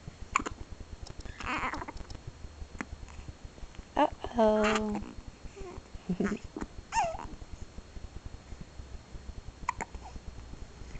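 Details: 1-month-old baby with hiccups: several short, sharp hiccup sounds between soft coos and grunts.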